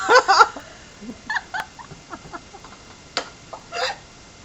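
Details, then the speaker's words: A person with really bad hiccups, self-described as sounding like a chicken: several abrupt, high-pitched vocal catches with faint giggle-like sounds between them. "so I have really bad hiccups and they're like I sound like a chicken"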